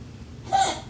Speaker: you hear that, that's Sophie coughing. She is grandma dog. She is super old.